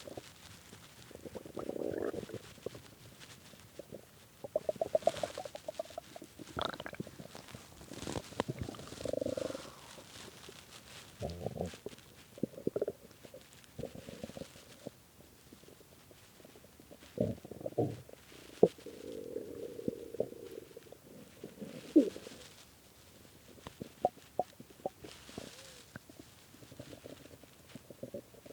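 Irregular low gurgling and rumbling bursts from an empty stomach, typical hunger growling.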